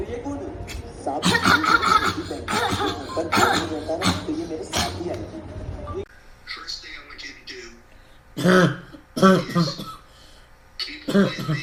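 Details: Habit cough (somatic cough syndrome): talk, then three loud honking coughs. Such patients had up to 5 years of all-day cough that was absent during sleep, cured by Dr. Weinberger's procedure.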